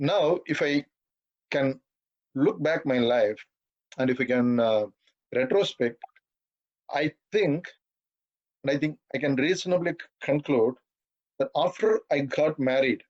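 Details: 42-year-old man who has stammered all his life and says he stammers occasionally in this talk, given at a stammering association webinar; stuttering.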